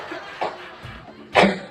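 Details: Two short, forceful, acted coughs from an adult over light background music, in a skit about flu in which the patient is flu-positive and unvaccinated.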